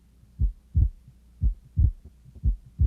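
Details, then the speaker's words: Teaching recording of a physiological split S2, played in inspiration and expiration phases: slow, regular heartbeat whose second sound splits on inspiration, a normal finding. "so again we heard a split s2 on inspiration so which of the following would be most accurate to describe a split two on inspiration"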